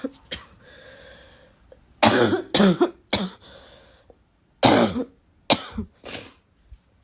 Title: congested barking cough